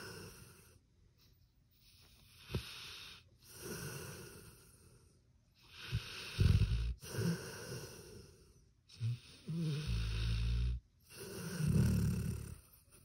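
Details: Pit bull dog snoring while asleep: repeated rough, rumbling snores with snorting bursts, roughly one breath every two seconds.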